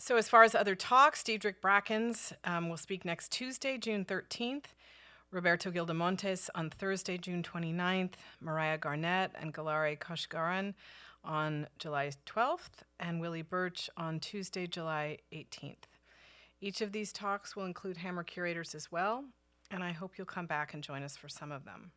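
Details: Adult woman; normal speech.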